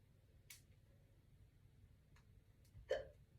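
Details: A woman who has just woken up, getting ready for work: a few short, sharp hiccups over quiet room noise, the last louder with a brief voiced catch; ordinary hiccups.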